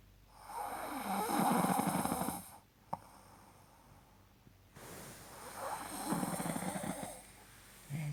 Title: My snoring moment 😁